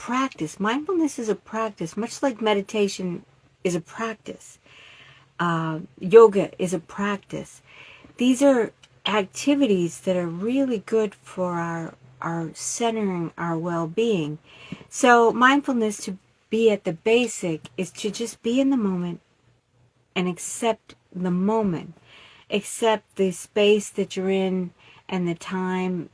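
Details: Aphasia in an adult woman, stroke survivor after a cerebellum stroke.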